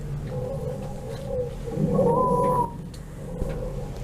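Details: Child's lungs on a virtual auscultation simulator, asthma attack with household dust-mite sensitization, bronchodilators prescribed: wheezing.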